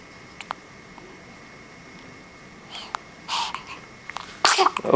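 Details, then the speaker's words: A baby girl with hiccups: a few small clicks, then bursts of noisy expulsion ending in a louder sneeze, in a quiet room; sneezing. "you sneezing and the hiccups man you got it all"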